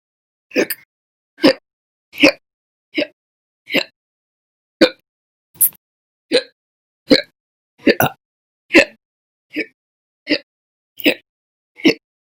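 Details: Repeated slow hiccups: sixteen short, abrupt gulping sounds in silence, spaced from under a second to about a second apart.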